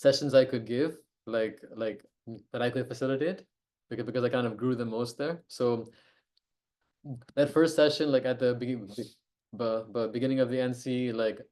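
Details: Adult who stammers and co-hosts an online stammering self-help group meeting; stuttering.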